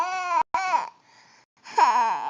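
Short, high-pitched tonal wails with a brief pause between them; an infant crying.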